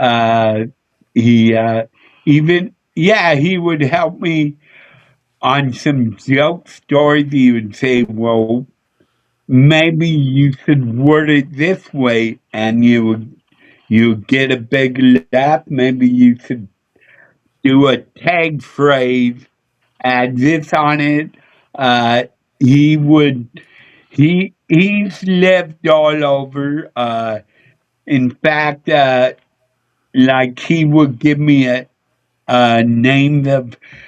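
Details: Adult male seen by a neurologist; MRI showed part of the back of the brain underdeveloped; as a child hit his head on a dashboard in a car accident, hospitalized a couple of days; often mistaken for drunk; slurred speech (dysarthria).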